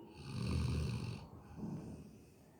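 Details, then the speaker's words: Sleeping Labrador dog snoring: two low, rumbling breaths with a steady hum in the background. "Hello friends, देखिए किस तरीके से हनी सो रहा है खर्राटे लेते"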